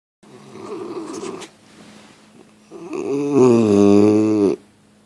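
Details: Bulldog snoring: a rasping breath, then a loud, drawn-out, honking snore lasting over a second.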